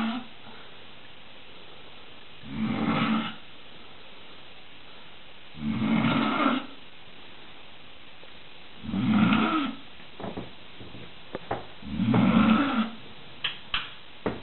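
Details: Sleeper found on the stairs at 4 a.m., four regular low rumbling snores, about 19 per minute, separated by quiet pauses, then faint clicks; snoring.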